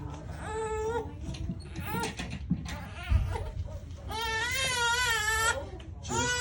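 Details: Loud, sustained infant crying in repeated wails with catch breaths between, during the baby's first chiropractic adjustment after being held upside down for a posture check on a cold table.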